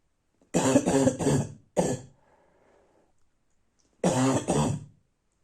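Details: Harsh, hoarse barking cough at night, three bouts totalling six deep barking coughs with a quiet breath between bouts.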